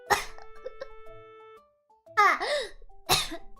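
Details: Three quick coughs in succession from an adult VTuber during a live drawing stream, right after she says she breathed in weirdly; soft electronic music plays behind.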